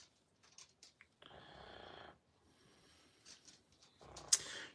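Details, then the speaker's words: A sleeping pet dog snores in a quiet room: two soft, raspy, fluttering snore breaths. "uh what's that weird noise is that noise your dog snoring yes yes it is that's Lola snoring and if it's not Willa snoring it' be precious snoring"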